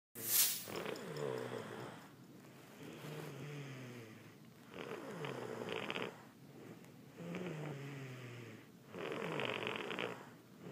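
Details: Sick person (Lucy) snoring while asleep in a hotel: four slow, rattling breaths at about 20 a minute, each a low fluttering rumble; snoring during sleep.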